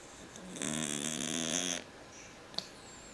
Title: My cat snoring